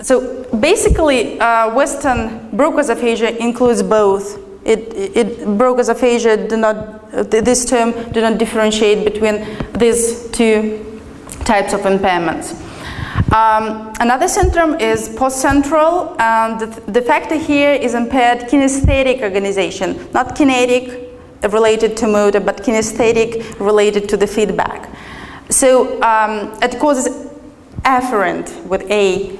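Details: Adult female lecturer; normal speech.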